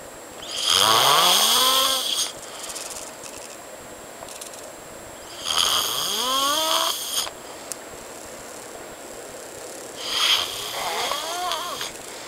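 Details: Male friend snoring loudly in his sleep: harsh snores with a rising groan on each breath in, about 13 a minute, separated by quiet breathing out.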